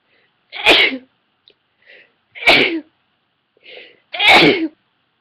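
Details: Induced sneezing from an adult woman: three forceful sneezes in quick succession, each preceded by a short indrawn breath.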